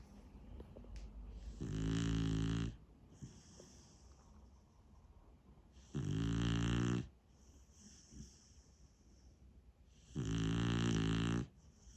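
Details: Beagle snoring in a home office: three loud, buzzing snores roughly four seconds apart, with softer whistling breaths in between; ordinary snoring.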